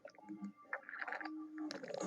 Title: stomach growling